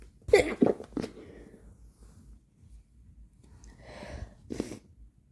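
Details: An agender person sneezing, with a blocked nose from bloody scabs: two quick sneezes in a row, then quieter snorting and breathing noises, and a further sneeze.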